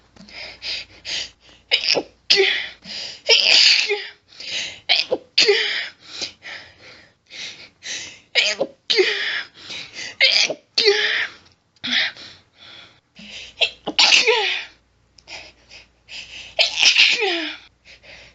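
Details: Female, stifled sneezing with heavy build-up and hitching: rapid run of stifled sneezes with quick gasping inhalations and hitching between, feeling barely able to get air; sustained sneezing fit.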